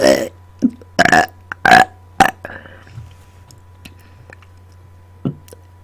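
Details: Adult repeatedly burping on command directly into a microphone after dinner, producing many intense, loud burps: excessive voluntary belching (eructation).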